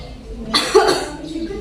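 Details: Simulated patient in a nursing skills demonstration of effective cough technique to loosen mucus and relieve breathlessness: one short forceful cough after a deep breath in.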